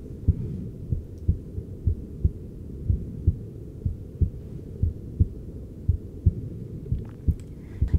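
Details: Adult male patient's heart heard through a handheld device during cosmetic forehead injections under stress; steady paired low thumps about 60 a minute with soft background hum; heart sounds.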